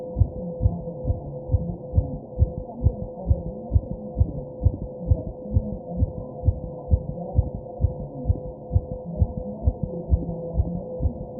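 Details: Fast heartbeat while taking deep breaths, with background noise; tachycardia.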